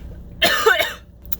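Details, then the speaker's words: Person just after a strenuous physical fitness (PARE) test, chest hurting, asking whether a wheeze is audible in their voice: a single harsh cough with throat clearing; no clear wheeze stands out; post-exercise cough. "So I just got done my pare test. My chest still hurts so bad. Can you hear the wheeze in my voice? Oh, this shit is no joke."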